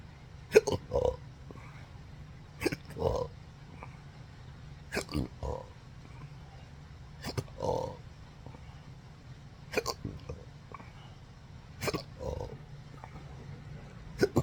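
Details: Sharp throat hiccups each closely followed by a short belch, about every two seconds over low room hum, in an adult with hiccups since December 2015 after surgery causing phrenic and vagus nerve damage; intractable hiccups with belching.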